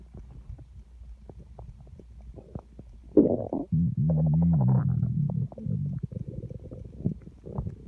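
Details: Loud low gurgling and a long rumbling growl from an empty stomach, felt rumbling against the hand on the belly: stomach growling (borborygmi).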